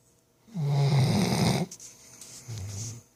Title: BBB snoring